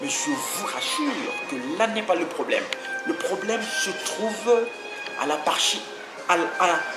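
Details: Stuttering in a French-speaking adult man who grew up with a stutter and followed therapy for several months as an adult; he says he still stutters occasionally while speaking here.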